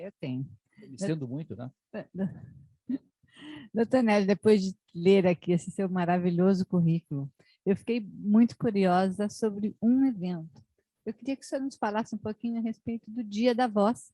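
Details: Adult woman speaking Portuguese; normal speech.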